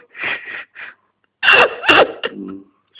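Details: Several short bursts with a sharp, explosive sneeze-like release, followed by a brief voiced sound; a sneeze, in a recording labeled as a friend snoring.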